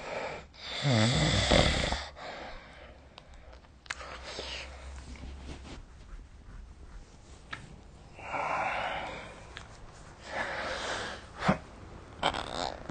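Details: Loud rattling snore, then softer breathy snoring sounds a few seconds apart during sleep, recorded at close range with the SnoreLab app; snoring.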